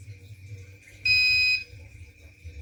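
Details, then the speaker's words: A simulated Arduino IV infusion alarm, fluid reading falling toward 100, yellow LED and "almost empty" shown: a single shrill half-second electronic beep of an intermittent low-fluid alarm. "Dia indikator LED kuning menyala dan tulisan hampir habis, bibnya berjeda."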